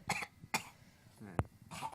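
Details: A few short, deliberate adult coughs in a small room, with brief voiced sounds and laughter between them: cough.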